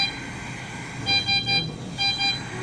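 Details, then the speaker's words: Ventilator alarm during a tracheostomy tube change as the patient is detached from the vent: repeated short high electronic beeps in groups over room noise while the circuit is disconnected. "All right, then we're going to take your fold down, and don't worry if that vent alarms."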